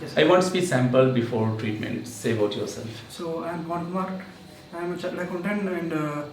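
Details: 32-year-old man, pre-therapy sample; high-pitched voice persisting after puberty that the clinician believes converted into spasmodic dysphonia through vocal abuse; previously had 1-2 months of therapy with each of three therapists; spasmodic dysphonia.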